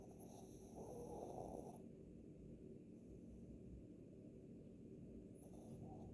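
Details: Small dog sleeping and snoring: rough, rattling snore, steady low noise with a louder stretch early on.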